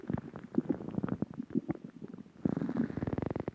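Bursts of gurgling, rumbling and rapid bubbling pops from the belly; ordinary stomach growling.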